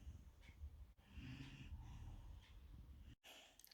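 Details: Golden retriever puppy lying on a couch, tired after a morning walk with play and exercise, snoring in sleep: low, irregular snorting breaths with some rattle.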